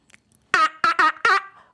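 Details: A 50-year-old woman with Tourette syndrome acts out another Tourette patient's vocal tics, with shouted sounds and swear words; vocal tics (imitated).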